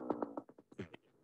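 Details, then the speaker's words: Needle EMG myotonic discharge in a patient presumed to have myotonic dystrophy: rapid buzzing tonal bursts that swell and fade on their own, starting and stopping suddenly. "show you which is the myotonic discharge because they're all kind of consistent and it stops and starts suddenly"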